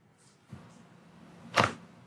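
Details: Chiropractic wrist adjustment on an adult model with a slightly hyperextended elbow: a soft thud, then one sharp crack of joint cavitation.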